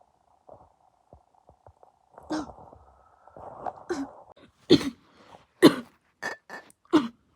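After faint clicks and a low steady tone, an adult gives a run of about five or six harsh, explosive coughs, some sneeze-like.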